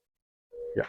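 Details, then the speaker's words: ICU crash-cart defibrillator in a teaching demonstration, charging at 5 joules per kilo before a shock with pads below the right clavicle and at the apex: a steady mid-pitched electronic charging tone ending in a brief clunk. "no discharge so I kept actually five joules per kilo it is getting charged"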